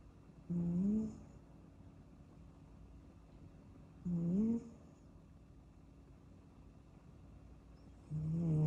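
Soft, low snoring sounds from a sleeping kitten, one every four seconds or so, with quiet room noise between them.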